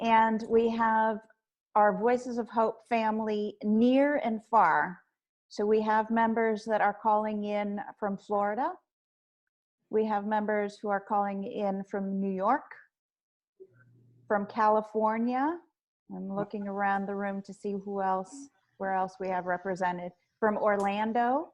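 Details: Adult woman speaking; ordinary speech.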